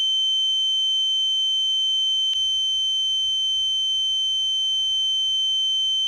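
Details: Steady high-pitched ringing tone over a faint low hum; a simulated ear-ringing sound effect imitating tinnitus.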